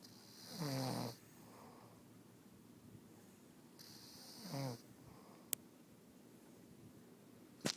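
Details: A woman's snoring: two loud, rattling, buzzy inspiratory snores about three seconds apart, with quieter expirations between and a couple of sharp clicks near the end.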